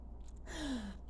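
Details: Person who has the hiccups gives one brief voiced catch of breath with a falling tone over low room hum; gasping.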